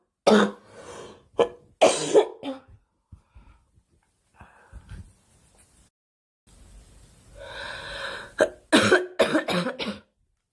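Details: Girl coughing during a livestream: several short, sharp cough bursts with throat clearing, separated by quiet breathing and faint room noise.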